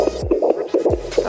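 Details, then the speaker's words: Fetal heartbeat of a twin on home fetal Doppler: rapid, rhythmic whooshing, galloping pulses about 140 a minute. "so what I'm looking for is like a little galloping sound"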